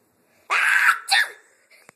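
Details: Deliberately self-induced single forceful sneeze with eyes held open: quick intake, then a loud burst of air with a short trailing release.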